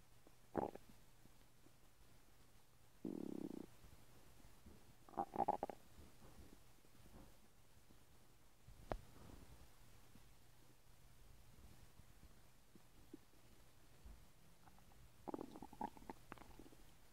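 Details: Person's own stomach noises: intermittent gurgles and rumbles from the belly as gas and fluid move through the gut; ordinary bowel sounds (borborygmi).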